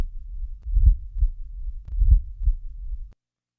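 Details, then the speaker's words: Late diastolic (presystolic) murmur, synchronous with atrial contraction and extending to the first sound, usually part of mitral or tricuspid stenosis; low-frequency rumbling, best heard with stethoscope bell held lightly: soft rumbling murmur running up into each first heart sound. "this murmur is low in frequency and rumbling in quality it is best heard with the bell lightly held listen to a late diastolic murmur"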